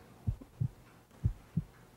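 Two paired low thumps through a stethoscope, lub-dub, about 95 beats a minute; ordinary heartbeat.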